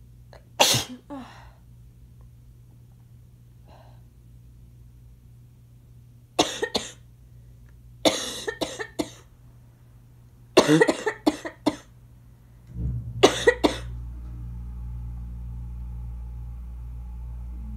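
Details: Harsh, explosive bursts from someone with an asthma cough, some single and some in quick clusters: chesty sneezes mixed with congested coughs, an inhaler possibly audible. Sneeze.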